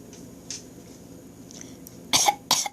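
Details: Young boy deliberately faking a cough: two short, light, breathy coughs; voluntary pretend cough, not illness.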